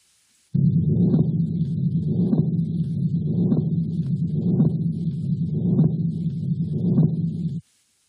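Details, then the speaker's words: Patent ductus arteriosus, aorta to pulmonary artery flow: continuous rumbling machine-like murmur through systole and diastole, swelling with each beat. "therefore there is always some driving force for blood flow even in syy and diaso so it's a continuous murmur and it's described as machine light and I'll play you an example of it now"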